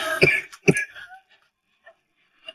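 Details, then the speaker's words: Girl coughing: two short, harsh coughs in quick succession, followed by quiet room sound with faint background noises. "thanks. Oh, stop coughing."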